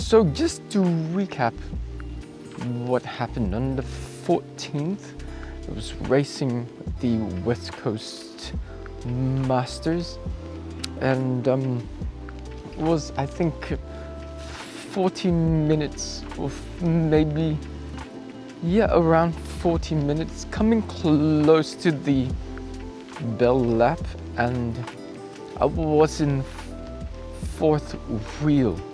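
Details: Acquired apraxia of speech in an adult male cyclist, starting a few days after a 14 December bike crash where he hit his head and blacked out; he reports it is improving.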